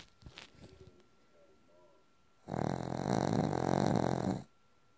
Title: Funny benji snoring